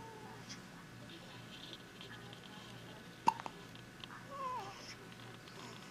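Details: Newborn girl, one or two days old, hiccuping for the first time outside the womb: a single sharp, abrupt catch sound in a quiet room.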